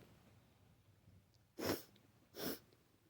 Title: Messy flu sneezes